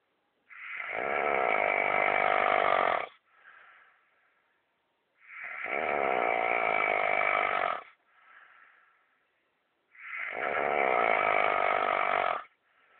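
Three long, loud, buzzing snores on inhaling, about 12 a minute, each followed by a short soft exhale. Loud snoring.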